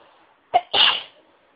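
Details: Induced sneeze: a short sharp in-breath followed by a loud hissing burst.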